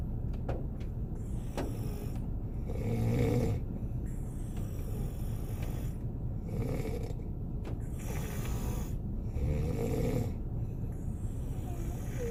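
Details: Adult man (boyfriend) asleep in a car on a snowy day, snoring: low, regular snoring breaths roughly every three to four seconds over steady car rumble and rain-like sounds.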